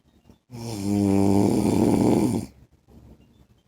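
One loud, prolonged, rumbling snore lasting about two seconds on a breath in, then quiet; heavy sleep snoring.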